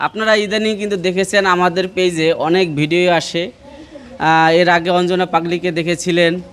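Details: Adult male narrator; normal speech.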